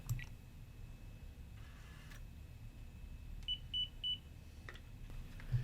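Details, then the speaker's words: Alaris Medsystem III IV infusion pump turned on before inserting a cartridge: three short, evenly spaced high-pitched beeps over a low room hum; infusion pump power-on beeps, a normal device sound. "the first step in inserting a cartridge is to turn on the pump and wait for the three beeps"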